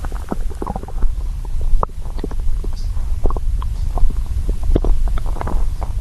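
Low gurgling and rumbling with scattered bubbly pops, ordinary stomach growling from hunger.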